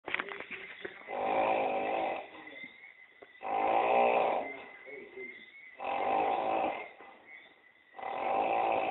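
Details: Staged short film with an actor snoring: loud, rattling snores repeating steadily, about 26 breaths a minute, with quieter breathing between each; snoring.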